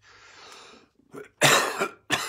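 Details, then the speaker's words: Two coughs from an adult, a soft breathy throat sound then a sharp forceful burst and a shorter second one, during a sermon; the speaker says they are fighting a cough. "i'm fighting a cough as you can hear but i'm winning"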